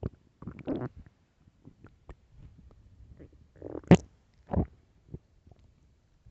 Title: really loud stomach growls